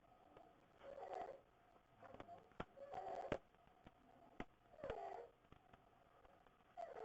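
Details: Sleeping child with croup and visible belly breathing, hard work to breathe: harsh rasping noise with each breath in, about 30 a minute, inspiratory stridor.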